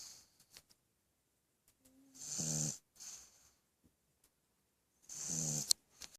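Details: Abbie snoring during sleep: two rattling, fluttering snores about three seconds apart, each followed by a hissing exhale, in a quiet room.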